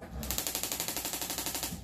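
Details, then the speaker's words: Rapid loud mechanical clacking pulses, about twelve a second, from a radial pressure wave (shockwave) therapy handpiece applied with ultrasound gel on a female patient to break up scar tissue, causing some discomfort. "does kind of make a loud noise and there's a little discomfort as we're breaking up scar tissue"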